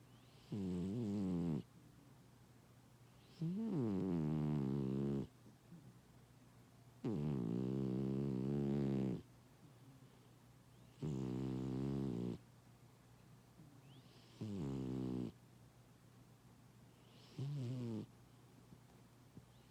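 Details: Fat cat snoring loudly while napping: rough, buzzing breaths repeating about 18 times a minute.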